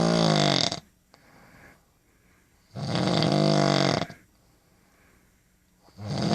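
Two loud, rough, buzzing snores on the in-breath, each about a second long, separated by quieter out-breaths. Ordinary snoring.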